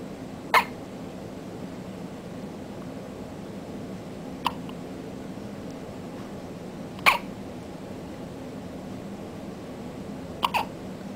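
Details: Infant hiccups: four brief, sharp hiccup sounds about every three seconds against quiet room noise.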